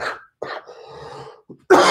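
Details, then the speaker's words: Woman recovering from an illness, possibly COVID, describes her cough as terrible and says she can't laugh without coughing; a few rough, harsh, strained coughs in quick succession, congested-sounding. "i know my cough is terrible and mine like i can't i can't laugh without coughing because it's just i hear it that little yeah it sounds like it's just that i don't like it i don't like it at all"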